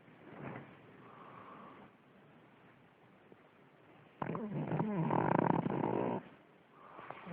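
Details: Pug snoring: uneven snorting breaths with one long, loud, rattling snore, the noisy snoring typical of a flat-faced dog.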